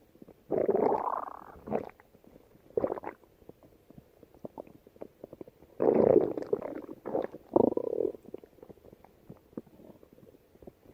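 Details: Stomach growling from a female yellowbelly: several bubbling, gurgling belly rumbles with quiet gaps between them, from gas and fluid moving through the gut.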